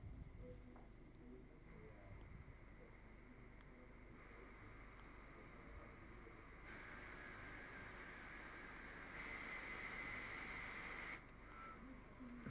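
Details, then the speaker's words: HAMILTON-T1 ventilator preoperational check, flow sensor calibration after turning the flow sensor: steady airflow hiss that steps up in loudness as flows slowly ramp up; normal device check. "Our next test will be for the flow sensor. So press the tab. You've got a connector on your flow sensor. Take the connector off and turn the flow sensor as indicated by the screen."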